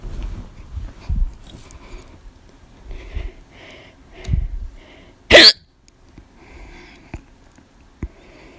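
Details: Repeated short, sharp gulping sounds with quiet gaps between them, one of them loud; the hiccups came on from laughing too much; hiccups.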